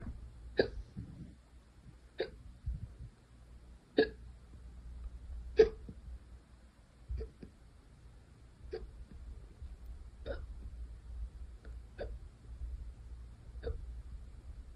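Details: Second bout of hiccups today: nine short, sharp hiccup sounds at irregular intervals over about fifteen seconds in a quiet room.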